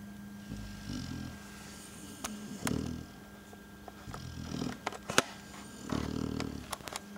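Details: A sleeping dog snoring while lying on a boot: low rumbling snores, about five in seven seconds, with a steady hum and sharp clicks in the background.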